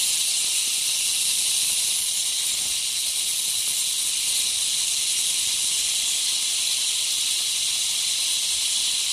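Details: Ultrasonic piezosurgery with a round diamond tip cutting a bone window (about 1 cm by 0.5 cm) in the sinus wall, outlining the osteotomy toward the Schneiderian membrane: steady high-pitched hiss of water spray over a fine buzz.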